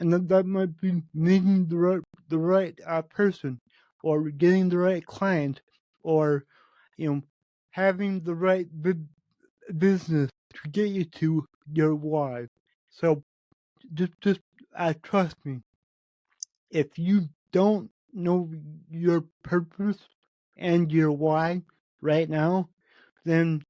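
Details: Spontaneous speech from a male podcast host with cerebral palsy, which he says affects every muscle in his body; he reports his speech has improved since 8 months earlier as his health improved. Dysarthria (cerebral palsy).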